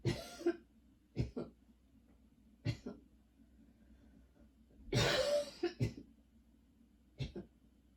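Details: Repeated short, dry coughs in bursts with one longer harsh spell, in a quiet room, in someone with long-lasting coughing spells and a lingering throat tickle: persistent cough.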